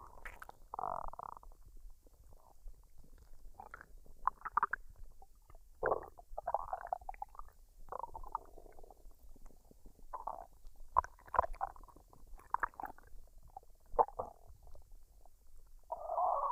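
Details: Woman's stomach digesting a meal of fried rice and duck, recorded unedited with no talking: irregular gurgles, squelches and bubbling rumbles of varying loudness; normal borborygmi.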